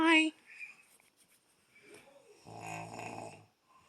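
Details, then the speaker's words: Snoring in a sleeping man near 1 a.m., likened to a freight train: a short burst of voice, then quiet, then one low, buzzing snore lasting about a second. "and i should be sleeping but i can't because i'm listening to this freight train coming through my ear in five minutes and he ain't even bunching who the hell makes that much noise and stay asleep"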